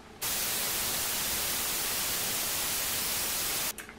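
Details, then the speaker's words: Simulated tinnitus, white-noise type, recreated by a young hearing-impaired person to represent one of the sounds they hear: a steady static-like hiss, like a radio stuck between frequencies, lasting about 3.5 seconds. "ensuite j'ai un deuxième son qui apparemment serait appelée bruit blanc donc c'est comme un petit bruit d'une comme d'une radio on va dire qui est entre deux fréquences et qui bug un peu"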